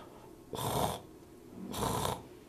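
Two rough, crackly breath sounds over the chest, crackles, an added lung sound that points to fluid in the lungs.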